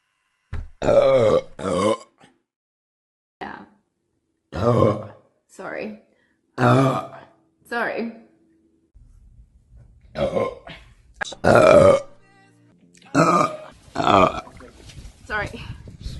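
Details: Several loud, drawn-out, throaty belches separated by pauses, with a few soft spoken apologies between them; repeated burping.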